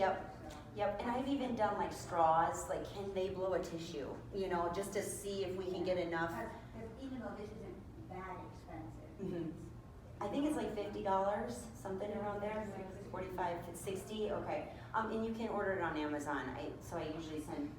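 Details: Adult woman speaking; typical speech.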